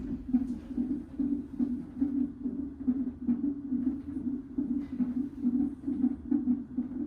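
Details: Rapid, regular whooshing pulses at about 140 a minute from a fetal monitor during a fetal non-stress test training demonstration; normal fetal heart rate (120s–140s) on Doppler.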